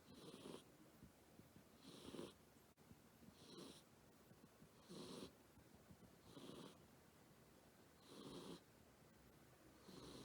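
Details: Snoring from a sleeping black cat.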